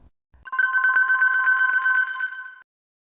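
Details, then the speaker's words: Brief two-second electronic trilling of a patient's call bell heard around 5 a.m. during a night shift on a cancer ward, in a story narrated as an audiobook. "세 번째 이야기 간호사와 사과 암병동에서 야간 근무할 때 일이었습니다. 새벽 5시쯤 갑자기 병실에서 호출벨이 올렸습니다."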